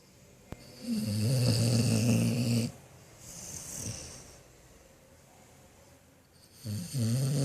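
Loud rumbling snores on each breath in, with quieter breaths out between them: steady snoring in a sleeping dog.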